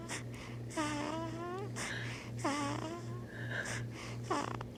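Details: A newborn girl a few days old makes noises in her sleep: soft squeaks, grunts and snuffly breaths over a steady low hum. These are ordinary newborn sleep noises.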